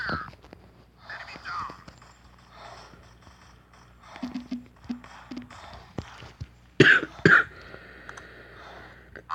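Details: Quiet talk with game sounds, broken by two sharp coughs near the end; the speaker apologises for coughing.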